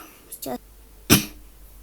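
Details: Girl reviewing her tablet gives a short throat sound, then one sharp dry cough, in a quiet room.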